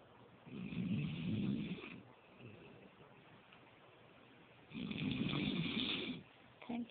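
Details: Person snoring while asleep on a couch: two long, low, rumbling snores about four seconds apart in a quiet room; ordinary snoring.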